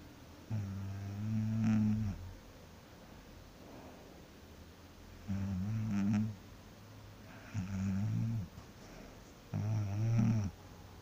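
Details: Person sleeping after work, snoring loudly: four loud, rumbling snores at regular intervals, about 14 a minute, with quiet gaps between; ordinary snoring.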